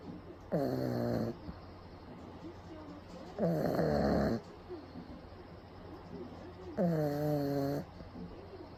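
Loud, rattling, droning snores about twenty times a minute, each lasting about a second; heavy snoring in a sleeping flat-faced dog.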